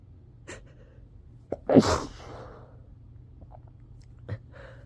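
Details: A quick inward breath, then one sharp explosive sneeze and a soft exhale; the person has been sneezing repeatedly and is trying to stifle the sneezes.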